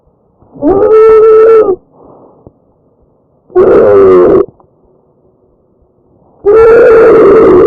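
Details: Tracheal stridor in breath sounds recorded from a real patient.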